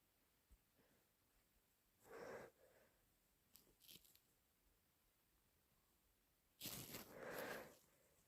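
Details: Person with a cold: short, wet, hissing nasal bursts, then a forceful sneeze followed by a thick nose blow in a quiet room; a congested sneeze and nose blowing.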